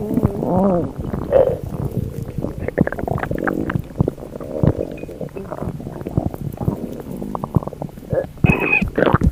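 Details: Loud, varied gurgling and rumbling stomach noises with squeaky, whining gas sounds throughout; borborygmi from gas and fluid moving through the gut.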